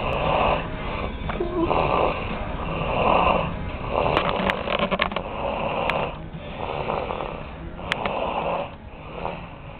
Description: She fell asleep upsidedown in the recliner (yes she is sick thats why she is snoring lol)